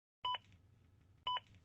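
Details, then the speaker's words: Zoll AED Plus Real CPR Help demonstration: two short two-tone electronic beeps about one second apart, metronome prompting a faster chest compression rate when pushing too slowly; AED CPR metronome beeps. "Not pushing fast enough? The beeps will speed you up."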